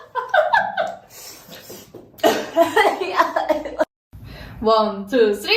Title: . ￼ was coughing ￼